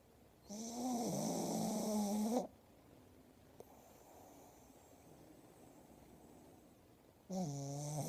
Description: My pug snoring loudly